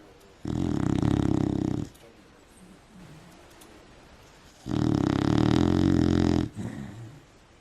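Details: Beagle sleeping and snoring: two loud, long rattling snores, each followed by a quieter exhale, in a small room.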